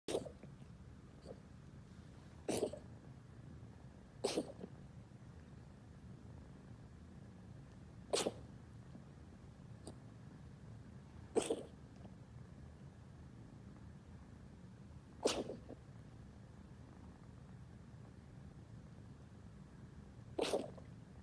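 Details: Kitten with about seven sharp, explosive sneezes, irregularly spaced over twenty seconds in a quiet room; owner wonders whether it is kennel cough. Repeated sneezing.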